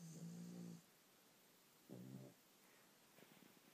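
Two low, rumbling snores about a second apart, then a softer fluttering breath; a dog snoring in sleep.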